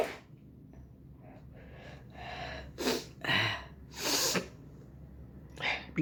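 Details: Adult sneezing, set off by tickling the nose with a pen in a sneezing challenge: breathy in-breaths building up, then several sharp, forceful bursts of air.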